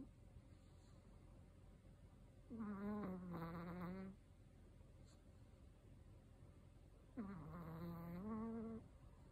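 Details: A 13-year-old elderly male Chihuahua snores while asleep: two long, loud, whistling-toned snores about five seconds apart, with quiet breathing between. The owner asks for ways to improve the snoring.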